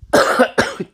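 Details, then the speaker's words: Night-time cough in an adult man recovering from illness after his son's sickness and wife's pneumonia; says he's not contagious, cough worse at night in colder air and once started lasts all night. "yeah like that it I'll start to cough and once I start to cough then I'll cough like the rest of the night"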